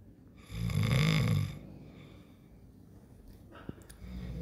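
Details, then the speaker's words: Adult man snoring while asleep: one loud, rattling inhaled snore about a second long, then quiet breathing and the start of the next snore. "হচ্ছে আমার husband ঘুমিয়েছে ও না ডাকছে"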